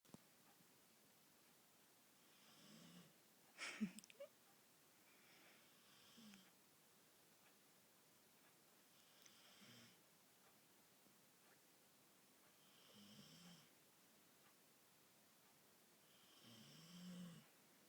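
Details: Irish Bull Terrier dog, half asleep: soft, rhythmic rasping breaths roughly every four seconds, about 14 a minute; snoring.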